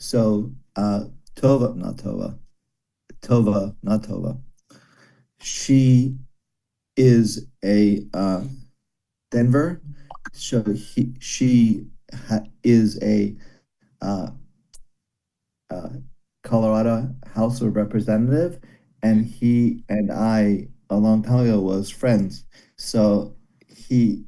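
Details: Broca's aphasia in a man after a stroke during valve surgery; comprehension reported intact but speaking very hard; a single word is repeated many times.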